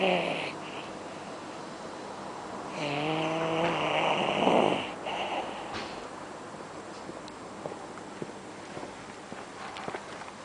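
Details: Rough, buzzing, rattling, snuffling breaths from a sleeping Irish dog: snoring.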